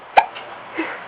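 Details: Infant hiccups: one sharp, abrupt hiccup followed by a faint softer sound in a quiet room.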